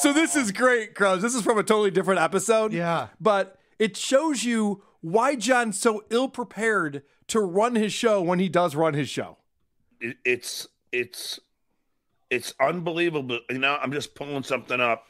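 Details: Adult man speaking; typical speech.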